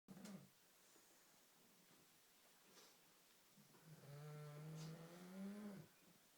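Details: Oscar the cat, found asleep on arrival home: quiet breathy sounds, then a longer low droning vibration on one breath; snoring.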